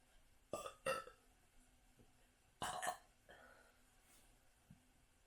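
Two pairs of short, abrupt voiced belches in quick succession, hiccup-like in rhythm, over faint room hum.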